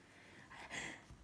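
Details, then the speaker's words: A 30-year-old woman who had just announced she would sneeze gives a quick intake of breath, then a soft, muffled burst of air: a single stifled sneeze in a quiet room. "Pardon. Oh, excusez-moi. Je vous disais que j'allais éternuer."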